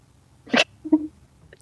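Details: Adult woman with a cold, described as very sick with a bad cough: one sharp, explosive burst, then a brief voiced sound; a single cough during an acute cold.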